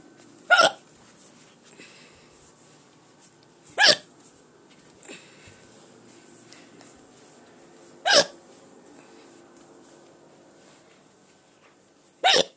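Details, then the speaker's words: Four sharp, abrupt hiccups a few seconds apart, about 14 a minute, in a quiet room. "okay please have another hiccup there we go okay uh"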